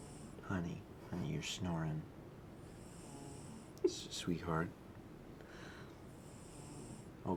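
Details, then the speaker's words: Pet cat snoring loudly while deeply asleep during a live stream, with the music paused so it can be heard; soft, rhythmic snoring breaths against quiet room noise. "but you i know you're tired you're snoring real loud honey honey noah says you can leave the music off so we can listen to cat for the rest of the stream"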